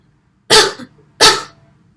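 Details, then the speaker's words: Effective voluntary cough technique taught by a physiotherapy student: seated, leaning slightly forward with head bowed, deep breath in, then two strong deliberate coughs in quick succession on one breath out. "ขั้นตอนต่อไปนะคะให้ผู้ป่วยหายใจเข้าลึกๆ แล้วในขณะหายใจออกนะคะให้ทำการไอต่อเนื่อง2 ครั้งค่ะ"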